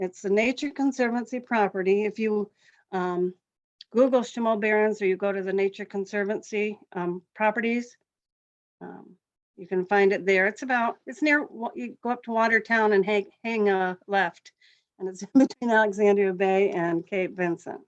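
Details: Adult woman speaking; normal voice.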